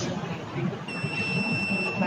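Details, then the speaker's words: Seizure alarm buzzer on a student-built epilepsy bracelet monitoring temperature (MLX90614), heart rate and SpO2: steady high-pitched tone starts when abnormal readings are detected, with red LED and caregiver alert, over music and room noise. "if the sensor detect the abnormal ability of the patient the red led starts to light up and the basel starts to make noise and automatically an emergency alert is sent to the caregivers to know that the patient is in danger"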